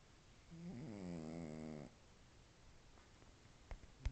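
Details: Very loud snoring in a sleeping cat: a single rough, rattling snore, then quiet breathing.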